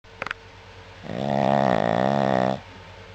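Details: Pet dog sleeping; one long, loud, rattling snore on the in-breath lasting about a second and a half; snoring.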